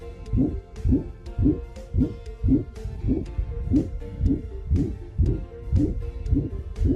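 Regular heartbeat at about 113 beats a minute, with a whooshing noise blending into each beat over a faint steady hum. This is an ejection murmur: turbulent blood flow as the heart pumps blood out during contraction.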